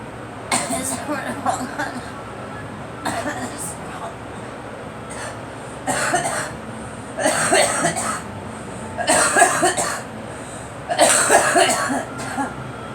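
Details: Girl coughing in about six short bouts, some doubled, over a steady background hiss.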